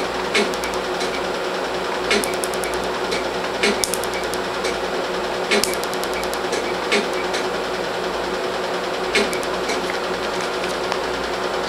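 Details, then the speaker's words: Short runs of sharp snapping Q-switched laser pulses over a loud whirring hum: first laser tattoo removal session on a 4-month-old mainly black star tattoo on an African-American arm, under anesthetic; patient feels slight popping. "I think the uh the anesthetic it keep in a lot cuz I don't feel anything good like I feel a little popping but it's like me clicking my nails aga"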